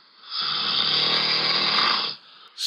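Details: One long, loud, high-pitched whistling and rasping breath of about two seconds, an unusually shrill snore from a man, recorded by a sleep app during a bad period; he says stopping drinking has helped.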